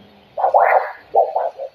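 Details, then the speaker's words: Handheld Doppler over a vein in a foot vascular assessment OSCE, calf squeezed to activate the venous pump: two low whooshing surges that swell then fade, blood returning; normal venous augmentation signal. "we squeeze you can hear that blood return"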